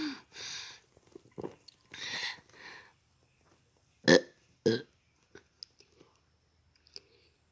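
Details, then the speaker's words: Cartoon burping contest between SpongeBob and Patrick, drinking soda, to see who burps loudest: a few softer, breathy bursts, then two loud, deep belches close together; SpongeBob is declared the winner. "now that was a loud burp Thanks you're the winner spongebob congratulations thanks Patrick"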